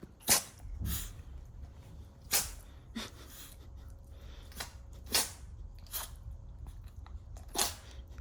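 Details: Maltese dog with an itchy nose at the change of season, sneezing in a row: six or seven short, sharp, snorting bursts about a second apart; repeated sneezing.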